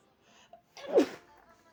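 A quick indrawn catch, then one sharp, full sneeze into a cloth, consistent with allergy sneezing.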